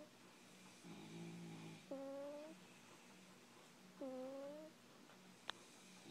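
A sleeping cat snores softly with a low rumbling inhale followed by whistly, rising snore sounds, repeated in slow breaths; quiet room.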